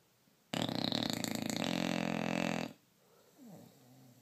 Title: Mack the bulldog snoring